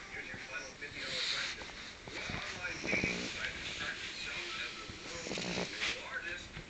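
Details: A French Bulldog napping makes repeated noisy, rattling snorts with each breath over background hiss; snoring.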